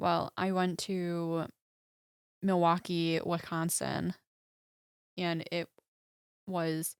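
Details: Woman, about 25, with aphasia after a stroke at age 14, 11 years ago; right-side hemiparesis, eight head surgeries; aphasia.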